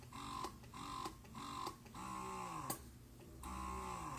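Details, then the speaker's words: Zomee Fit wearable breast pump in mixed mode, stimulating then sucking at adjustable vacuum: rhythmic mechanical whirring pulses, some short and some longer pulls; stronger vacuum gives longer pulls; breast pump operating sound. "And then you have that mixed mode, which is going to s stimulate and then suck. And again, you can change how hard that goes."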